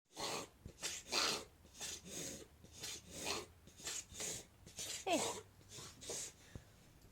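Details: Rapid run of harsh snorting inhalations from a whippet: a reverse sneezing episode, which stopped after a couple of months.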